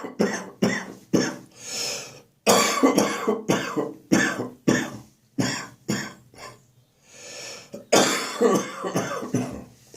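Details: Morning cough during a spring cold, becoming more chesty and wheezy: repeated harsh, wet-sounding coughs in clusters with noisy breaths between, a chesty cough with wheeze.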